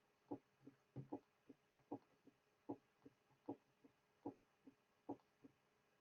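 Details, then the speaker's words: Mitral stenosis teaching recording with the diastolic murmur removed: regular heartbeat near 75 per minute with a crisp opening snap just after the second sound. "Now the early portion of the diastolic murmur will be eliminated, leaving only the pre-systolic portion. Now the murmur is removed, leaving the opening snap."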